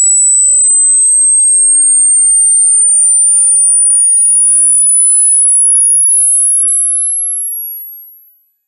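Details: Simulated tinnitus: a thin, steady high-pitched whistle slowly rising in pitch, imitating ringing in the ear.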